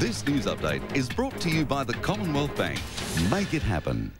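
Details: Adult male announcer; normal voice.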